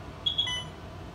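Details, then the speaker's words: Alaris infusion pump switched on after the set is loaded and the door closed: a brief pair of high electronic power-on chirps over quiet room noise. "so switch on system on once it's switched on"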